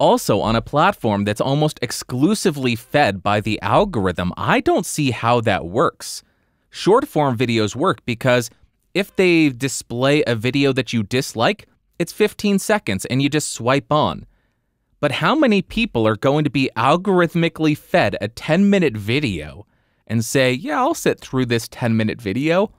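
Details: Adult male speaker; typical speech.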